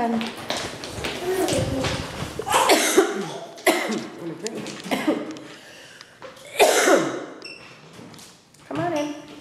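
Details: An adult coughs repeatedly in short bursts while walking a child into daycare for the first time, mixed with voices and indoor noise; cough.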